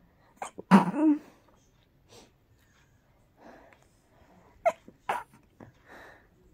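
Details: A quick run of short, rapid sneezes, a loud burst first then smaller ones with quiet gaps; tickly, teasing rapid sneezing.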